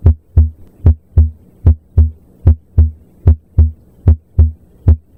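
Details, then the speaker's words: Normal S1 S2, quiz example heard at the aortic, pulmonic, tricuspid and mitral areas: crisp S1, clean S2, no murmurs or extra sounds; calm, regular rhythm about 75 per minute. "You hear a crisp S1 followed by a clean S2. No murmurss, no extra sounds, just a calm, healthy rhythm."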